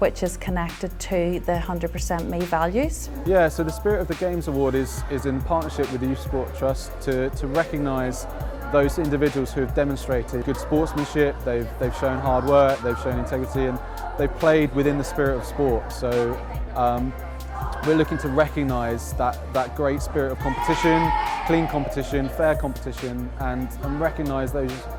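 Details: Adult male speaker; ordinary speech.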